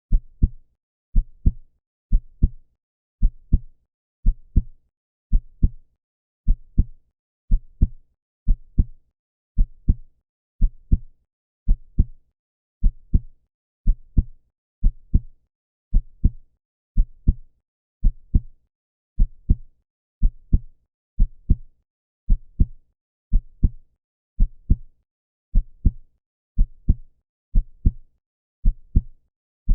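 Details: Steady, regular heartbeat with paired low thumps at roughly 54 beats a minute, no background noise, presented as a relaxing heartbeat sound.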